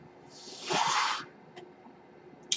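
A single soft whoosh of airflow lasting about a second, then quiet with faint clicks: a home mechanical ventilator cycling a breath.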